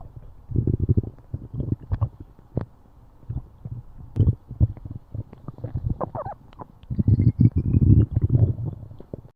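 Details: Animal's stomach growling (borborygmi): low gurgling rumbles in bursts from the belly, with faint outdoor sounds.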